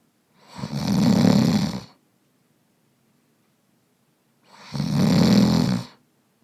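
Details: Man snoring, sound-effect recording: two loud, rattling, low-pitched snores on inhalation about four seconds apart with silent pauses; snoring.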